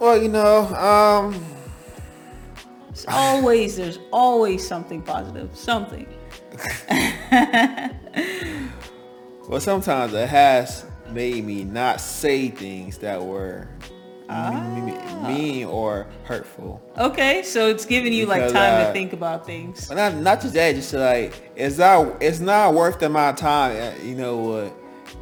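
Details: Adult man with lifelong stuttering since he began talking, who saw speech teachers; a speech therapist told him his face gets very tense on certain words; speaking English; stuttering.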